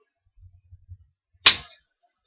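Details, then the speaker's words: Spring inserter for an Animas Ping insulin pump infusion set (pink inserter), held flat on the skin and fired by squeezing the finger-marked sides: a few soft handling taps, then one sharp snapping click driving needle and tube in; set changed every 3 days. "So just make sure it's nice onto your skin, and then you just squeeze the sides in. The sides with the little finger marks, and it'll go straight in."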